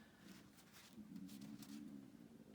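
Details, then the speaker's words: Stomach growling (borborygmi) from an adult: a low, wavering rumbling gurgle. "that's my stomach growling that shirt you can hear that"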